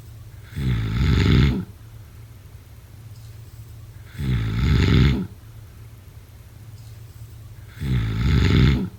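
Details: Loud, regular, rumbling snores on each in-breath during sleep, about 17 a minute, with quiet exhalations between; heavy snoring.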